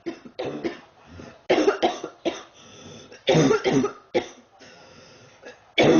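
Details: Girl sick about 3 weeks, feeling hot and unwell: about ten harsh coughs in quick clusters over six seconds with short pauses, persistent repetitive coughing.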